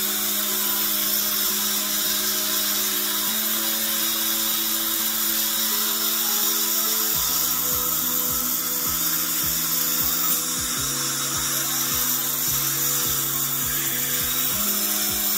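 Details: Dental drill with a steady high-pitched whine and music in the background, used on a young boy's tooth cavity during a filling under local numbing.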